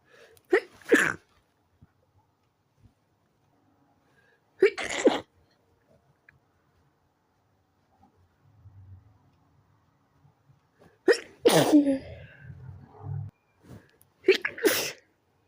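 Four sharp, explosive sneezes separated by quiet pauses in a silent room. A bout of repeated sneezing.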